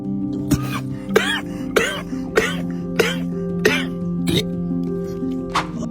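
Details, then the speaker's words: Baboon coughing: a series of short, sharp coughs, about seven in six seconds, over background music. "Beginilah penampakan ketika babun batuk."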